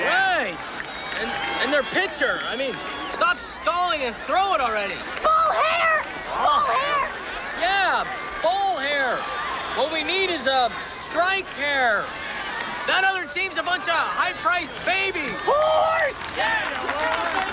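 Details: Acted film scene of Tourette syndrome: a character repeatedly blurts out obscene words mixed into normal phrases, vocal tics with coprolalia; Tourette syndrome with coprolalia.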